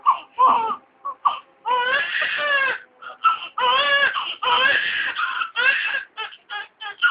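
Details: Newborn aged 10 minutes, first cry after birth: high-pitched cry in repeated bursts broken by short gasping breaths, strong voice; newborn cry.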